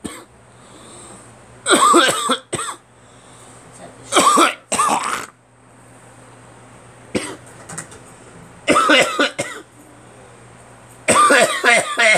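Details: Several harsh, wet-sounding coughs in bursts with pauses between them, in a quiet room with a low hum; a productive cough bringing up phlegm and spit, attributed by the cougher to changing, cold weather.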